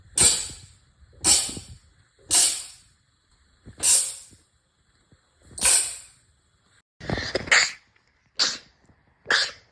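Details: A sneeze.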